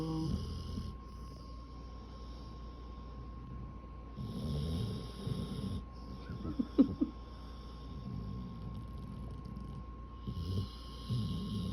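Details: Sleeping dog (female) that sleeps with eyes open, snoring: low rumbling snores on slow breaths in a quiet room, with one snort partway through.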